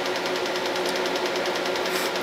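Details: Rapid, regular snapping clicks, about ten a second, from a Hoya Conbio C-6 Medlite Q-switched 1064 nm laser at 10 Hz removing black ink from a 17-year-old homemade arm tattoo; patient rates pain about six of ten; Q-switched laser firing.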